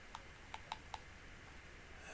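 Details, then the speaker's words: An adult with Parkinson's disease, driving, makes four sharp, irregularly spaced clicks as the twitching thumbs click together when the hands are joined. "And uh the clicking you can hear is is me. Um my Parkinsons makes me twitch my thumbs and if I put my hands together the thumbs click"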